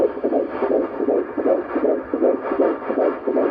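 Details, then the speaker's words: Fetal heartbeat on Doppler at a routine first-trimester prenatal checkup, no ultrasound done: fast, regular whooshing beats, about 158 a minute. "we didn't do an ultrasound they did check the heartbeat which i will put in here"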